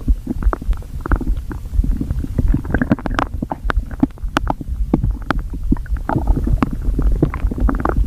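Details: Compilation of loud stomach growling (borborygmi): continuous gurgling and rumbling with bubbly pops throughout.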